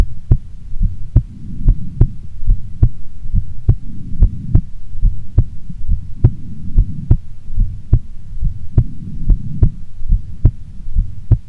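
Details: Heartbeat of a female before sleep: strong, regular lub-dub heartbeat at about 70 beats a minute over a low hum; normal heart sounds.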